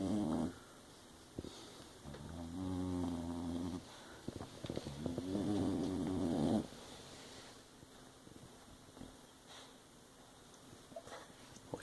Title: The snoring hound